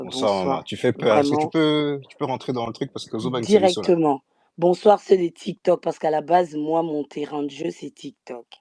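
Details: Adult speaker; normal voice.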